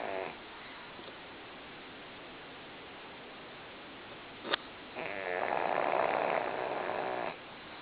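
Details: Quiet room, then one drawn-out buzzing snore from Lily, a pug sleeping motionless after a tiring day; snoring.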